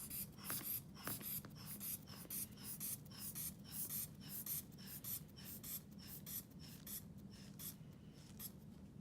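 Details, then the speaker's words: Training demonstration of manual blood pressure measurement: hand bulb rhythmically squeezed (~105 per minute) to inflate an upper-arm cuff 20–30 mmHg past palpable systolic, stethoscope over the brachial artery, then hissing air release at 2–3 mmHg steps. "so you will pump up 20 to 30 millimeters mercury past the probable systolic and then you'll slowly let the air out of two to three millimeters of mercury"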